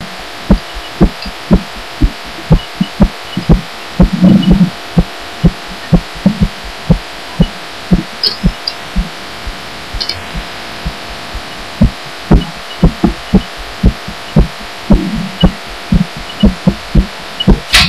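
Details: Own heartbeat picked up through a pillow while lying down, audio amplified so it sounds stronger than it is; muffled steady thumping over hum and rustling; person wonders if it is arrhythmia, gets odd toward end.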